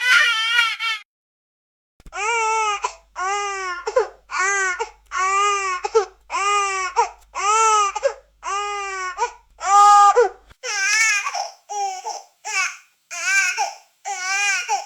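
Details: Infant crying in a crib: rhythmic, high-pitched bursts with brief gasps between, a typical vigorous baby cry; a sound-effect recording.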